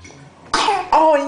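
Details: Child's voluntary fake cough: two short, voiced, deliberately put-on cough bursts.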